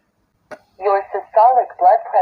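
Synthetic voice from a home blood pressure monitor reading out the result after measurement; reading 131/95.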